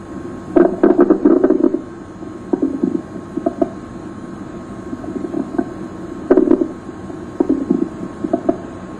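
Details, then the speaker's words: Normal bowel sounds heard with the stethoscope diaphragm placed gently on the right lower quadrant of the abdomen in a female patient lying relaxed: irregular soft gurgles and clicks every few seconds. "listen for vowel sounds by placing the diaphragm of the stethoscope gently on the right lower quadrant listen to their pitch quality and frequency"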